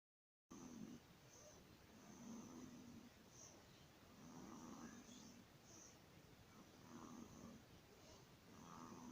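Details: A 15-day-old baby with laryngomalacia breathes with rhythmic, noisy, fluttering breaths. Inspiratory stridor.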